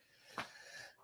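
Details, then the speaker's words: Adult with an ongoing cough, probably going back to the doctor: one noisy breath in with a thin, steady whistling tone; inspiratory wheeze. "and you guys can hear it when I breathe in. So, um probably going to go back to the doctor tomorrow to see if they can see me."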